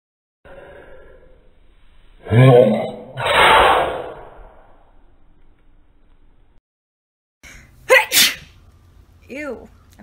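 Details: Woman sneezing: two loud sneezes, each a sharp inhaled build-up and explosive burst, followed by short voiced sounds.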